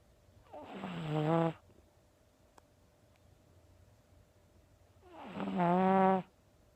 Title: Pug Puppy Snores